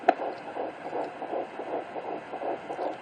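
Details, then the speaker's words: Home fetal Doppler at 11 weeks 2 days of pregnancy picks up fast, rhythmic whooshing "washing machine" pulses. The fetal heart rate is around 150s–165 bpm (165, 162). "If you can hear it, that is the sound of the little washing machine. Heartbeat between the 150s, 160s, 165, 162."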